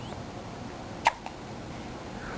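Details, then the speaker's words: 5-week-old baby girl with hiccups: one sharp, abrupt hiccup with a faint second catch, over a steady background hiss. "you know it's a hiccup"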